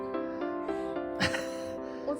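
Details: Female infant, about one month old, gives a single brief, high-pitched sneeze over steady background music.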